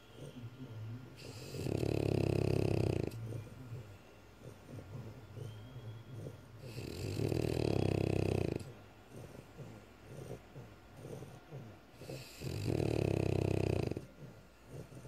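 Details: French Bulldog snoring: loud, rattling snores about every five seconds, roughly 12 a minute, with quieter snuffly breathing in between.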